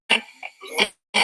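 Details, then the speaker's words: Infant (laryngomalacia) with severe inspiratory stridor: harsh, noisy, high-pitched breathing, with retractions, subcostal retraction and excessive respiratory muscle use; severe enough to need diagnostic bronchoscopy. "So it is a case of severe stridor. So this is the child, you can see having a stridor on inspiration. There's an inspiratory stridor,"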